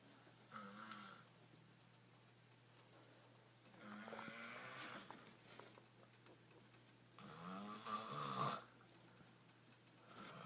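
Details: Jessica snoring, described as extreme yet on a good day: three harsh, rattling inspiratory snores about six seconds apart with quiet pauses, around ten breaths a minute.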